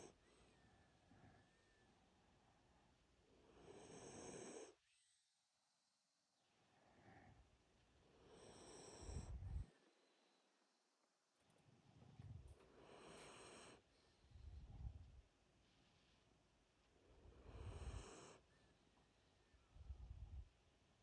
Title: Dog snoring with eyes open 👀